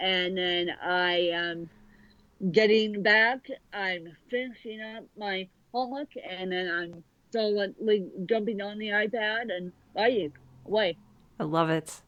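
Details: Adult woman with cerebral palsy since birth affecting both sides of her body; speech largely unintelligible to automatic transcription; dysarthria (cerebral palsy).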